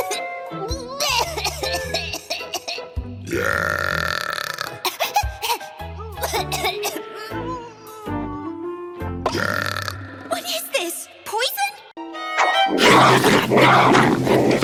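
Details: Animated female cartoon characters burping in a compilation: loud, drawn-out belches over background music; acted burping, not a real person.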